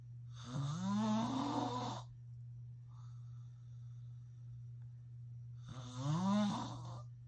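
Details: Father snoring: two long, loud, rumbling snores on inhaling with a pause between, over a steady low hum; loud snoring.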